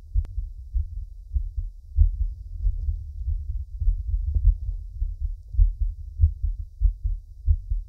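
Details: Man's own heartbeat recorded for relaxation: soft, regular low thumps at roughly 95 beats a minute with faint rustling; normal heartbeat.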